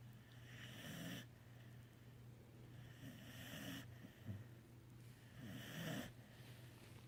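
Three slow, rough breathing sounds over about seven seconds with a low steady hum behind them; snoring at roughly 25 breaths a minute.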